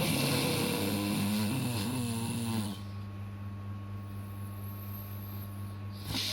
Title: Bayi lucu"terkejut akibat dengar suara ngorok"